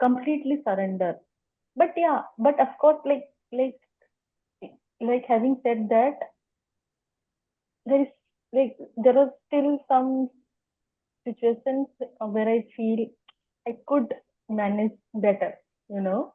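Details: Adult woman who has stammered as long as she remembers, speaking spontaneously as a podcast guest; stuttering.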